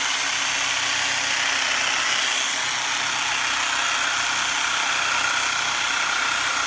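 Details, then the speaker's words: Steady buzzing motor drone with rapid pulsing from a handheld chiropractic adjusting instrument on the upper back of a prone patient with a history of Chiari malformation, neck tension and headaches. "I'm gonna use a little blue machine right up here okay"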